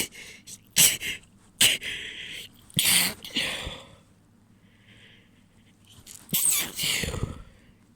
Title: Wet sneezes, few stifles and a nose blow